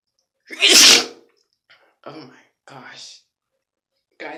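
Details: Person sneezing with eyes open after rolling up a tissue: one loud, explosive single sneeze, followed by brief quiet vocal sounds.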